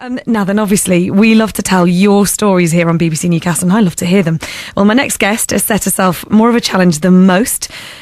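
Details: Adult woman, radio presenter; Normal fluent speech.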